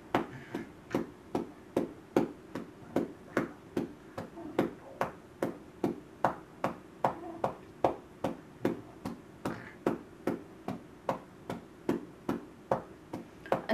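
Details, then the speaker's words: Chest physiotherapy on a child lying on a receiving blanket: steady hollow cupped-hand claps, about 150 a minute, worked from bottom of chest upward. "And now I use my other hand again, starting from the bottom, working my way up. A nice percussion sound, nice beat."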